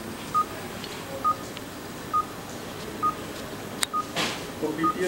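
Short regular beeps, about 67 a minute, from an anaesthesia monitor in a quiet room with faint background talk.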